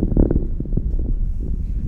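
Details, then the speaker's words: Patient with severe sarcoidosis, recorded alongside lung ultrasound showing B-lines moving with respiration; brief clusters of fine crackling clicks over a low rumbling breath sound on inspiration: fine crackles. "you see a few be lines uh flowing across there with respirations uh and you hear the crackles of um this a a patient with severe um sarcoid"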